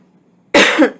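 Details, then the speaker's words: A single abrupt, rough, throat-clearing adult cough from a speaker who is losing their voice. "sorry about my voice i'm losing my voice"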